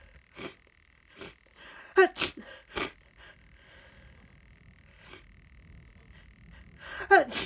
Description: I’ve been sniffly today and then this happened. Can’t tell if I’m allergic to something or if it’s a tickle nose as the start of a cold. Very rapid tickly sneezes.